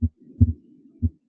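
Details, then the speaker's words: Harvey cardiopulmonary simulator, normal setting, heard at the upper left sternal border (heart base): two low thumps, second heart sound louder than the first, timed against the pulse, with faint background music. Normal heart sounds. "Doug you'll notice that the second heart sound is louder as you would expect here at the base of the heart similarly uh it's still louder than the first heart sound which we can time along with our karate here at the upper left sternal border"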